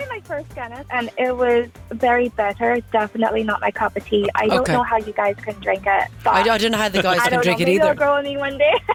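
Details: Foreign accent syndrome in an Australian adult woman who woke one morning with an apparent Irish accent, noticed after tonsil surgery; day 56 since onset; stated to have never visited Ireland or to have Irish family.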